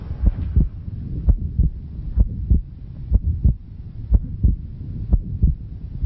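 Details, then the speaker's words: Split S2 on a regular heartbeat near 60/min, a USMLE Step 1 teaching recording: the second sound is doubled into A2 (aortic) and P2 (pulmonic) closure, normally splitting more on inspiration and less on expiration. "the s2 is normally comprised of a2 aortic heart sound changing and a p2 pulmonic sound a2 aortic sound p2 pulmonic sound and normally there's a little bit of variation there's a little bit of variation that when you inhale it splits it and when you exhale it's less split"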